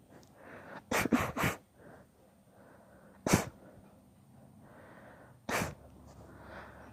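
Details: Long induced sneezing fit: about five repeated sharp sneezes with breathy in-breaths between them, over faint room noise.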